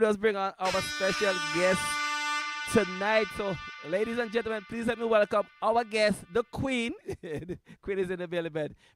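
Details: Adult presenter; Normal speech.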